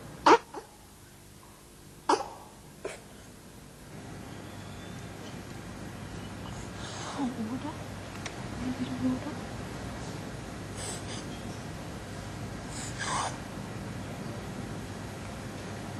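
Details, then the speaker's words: Girl with severe croup with suprasternal retraction: stridor and cough, with inspiratory stridor; needing close observation. "this child requires very close observation this girl has severe croup this girl has severe croup"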